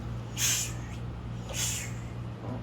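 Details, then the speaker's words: Vocal imitation of a decrescendo heart murmur: two breathy hisses, each strongest at onset then fading, over steady low hum, from a lecture on the cardiac cycle contrasting crescendo, decrescendo and plateau murmurs. "y luego pueden ser incendo decreciendo o sea hacia arriba y hacia abajo o sea como o como que sube y vuelve a bajar o bien nada más incendo o decreciendo"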